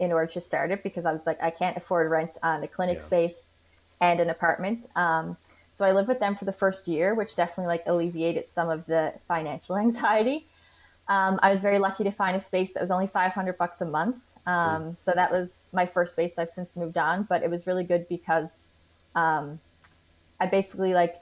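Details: Adult woman speaking; no speech disorder.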